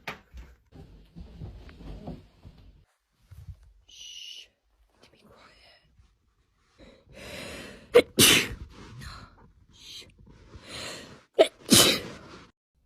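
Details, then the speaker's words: Acted sneezing in a sneeze-performance scenario framed as an allergic attack: several sharp, forceful sneeze bursts, some with a drawn-in breath first. "So I think I might have caught a cold whilst I was on holiday. I just keep sneezing."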